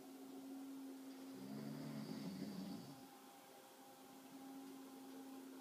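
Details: A single rough, low, fluttering snore on an in-breath from a sleeping adult rises and fades against a steady electrical hum in a quiet room; adult snoring.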